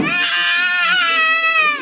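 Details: Young child crying: a loud, sustained, high-pitched wail, ordinary infant crying.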